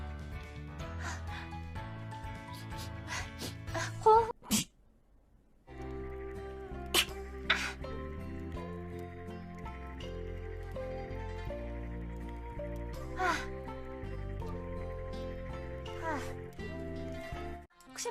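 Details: Single sharp sneeze over steady background music, followed by a brief pause.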